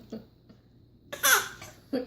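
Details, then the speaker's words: Young child gives one short, breathy cough on request: a voluntary cough, not an illness sign. "give a bad cough is that a bad cough"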